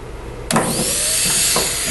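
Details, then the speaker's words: Electric dental lab slow-speed handpiece in hand-operation (H) mode without the foot control: a click, then a high steady motor whine running continuously. "we go the handpiece runs continually to adjust the handpiece speed you use the facial rheostat or the facial potentiometer as you can all hear the speed and the noise is decreasing all the way down to its lowest speed"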